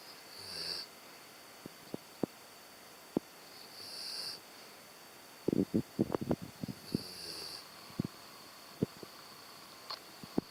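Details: German Shepherd snoring; soft, rough breathing sounds repeating at intervals, with scattered clicks and snorts over steady room hum.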